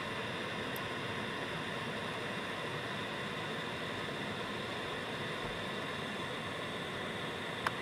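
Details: 3B Luna II autoset CPAP machine with humidifier, used for sleep apnea, running in ramp mode that reaches full power after 30 minutes: steady soft whooshing airflow hiss with a low hum.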